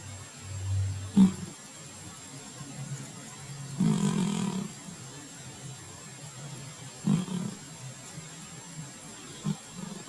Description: Bella is asleep on the couch, and sawing logs.